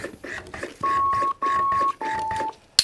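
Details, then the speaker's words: LUCAS 3 mechanical CPR device on a simulated patient in 30:2 mode, no advanced airway: rhythmic compression sounds, then three sustained beeps alerting a pause for two ventilation breaths. "you hear that your patients gonna ventilate two breaths it's gonna continue"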